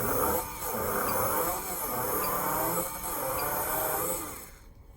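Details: Dental implant drilling validation test of a Cosmos bur kit claiming osseodensification, counter-clockwise haptic rhythm drilling of an osteotomy: whirring drill sound pulsing in an on-off rhythm.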